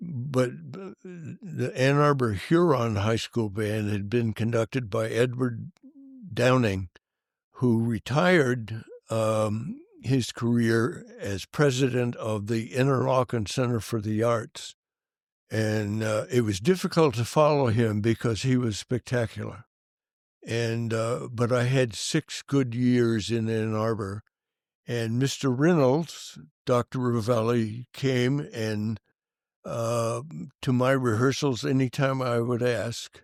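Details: Adult man who has stuttered since early childhood, severely for many years, and still stutters as an adult; stuttering.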